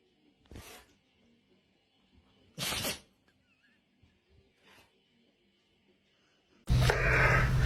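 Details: Dog sneezing: two loud snorting sneezes and a softer third, then a burst of noise at the end.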